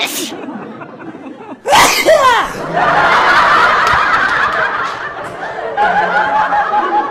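A single loud, explosive burst with a brief voiced 'choo' sweep, followed by background rustle and room noise: one adult sneeze.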